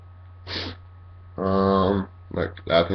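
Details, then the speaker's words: Self-recorded person just woken up and congested: a sharp intake, a drawn-out voiced sound, then three sneezes in a row, the last sounding like coughs at the end, over a low hum. "was three sneezes in a row but the last one yeah they sounded like coughs at the end was really weird"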